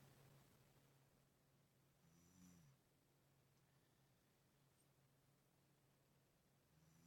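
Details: Faint low rumbling breaths with one louder snore partway through, over steady room hiss; snoring.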